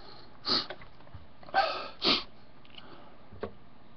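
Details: Sneezing challenge, about seven sneezes in one minute: three quick, sharp sneeze-like bursts in about two seconds, followed by a faint sniff.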